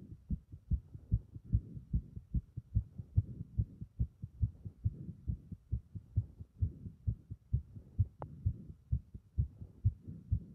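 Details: Fast, strongly pounding heartbeat at roughly 140 beats a minute, steady throughout: a rapid heart rate.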